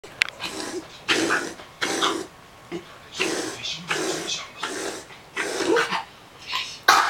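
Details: Dog's reverse sneezing that began after a trip to the sea: repeated harsh snorting inhalations in bursts, about six in seven seconds; episodes occurred several times a day and settled after about a week.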